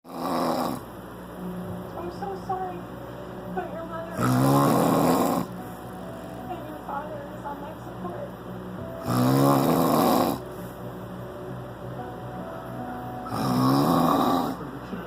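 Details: Loud, rattling snores on inhalation roughly every four to five seconds in the dark, over steady fan noise; snoring during sleep.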